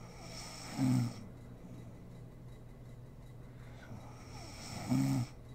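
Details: Sleeping mother snoring in a home ASMR recording: two short, buzzing snores about four seconds apart over quiet room noise; snoring during sleep.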